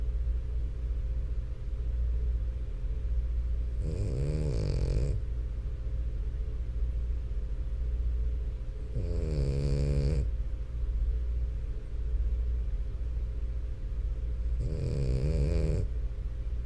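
Three rattly, buzzing snores on breathing in, roughly every five to six seconds, over a steady low hum; a sleeping dog snoring.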